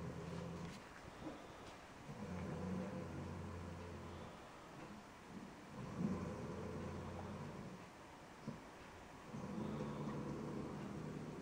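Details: Snoring from a sleeper who is passing out.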